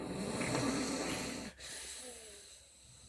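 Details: Snoring: one rough, fluttering snore on breathing in, then a softer, whistling out-breath against a steady background hiss.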